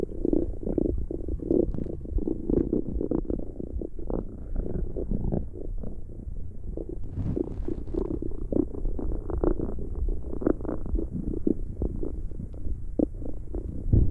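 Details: ASMR recording of stomach growling: continuous low gurgling and bubbling rumbles with frequent small pops throughout.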